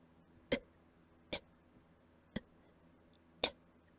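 Four brief, soft, dry cough bursts about a second apart in a quiet room; a quiet allergic cough.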